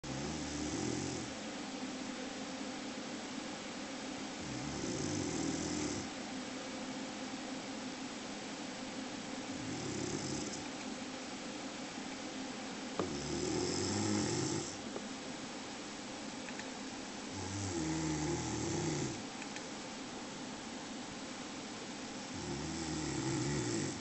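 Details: Snoring recorded in 2005: rhythmic low, rattling snores about every four to five seconds over a steady background hum.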